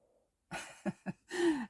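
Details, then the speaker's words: Sleeping animal snoring in the background of a craft session: a few rough, breathy snorting breaths, the last a longer groaning exhale. "that noise in the background isn't it Go snoring you're probably used to it by"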